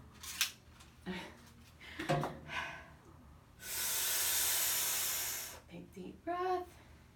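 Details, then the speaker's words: A nurse practitioner demonstrating a dry powder inhaler: device clicks, then a strong two-second deep inhalation, since a big forceful breath is needed to release the medication. "so if you don't have the air and the force to take a big deep breath the medication won't be expelled so that is how the medication comes out is by activating it with a big deep breath"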